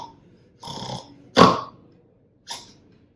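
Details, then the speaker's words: Short nasal snorts and throat noises imitated by an adult pediatric sleep specialist, showing the snorting during sleep in children who snore regularly that may suggest obstructive sleep apnea rather than simple snoring. "so children who snore on a regular basis but have additional symptoms like snotting so something like this"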